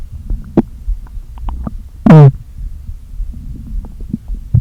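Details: Stomach noises from a person who had not eaten all day, with air deliberately inflated into the stomach: soft gurgles and one loud rising, squeaky groan of gas moving back and forth; borborygmi.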